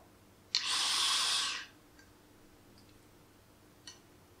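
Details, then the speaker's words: Metered-dose inhaler fired into a spacer chamber in a demonstration: a click and a one-second hiss as the mist is released, followed by quiet. "so if you put it at the end here in the spacer and then if you press on it that sort of mist is released inside"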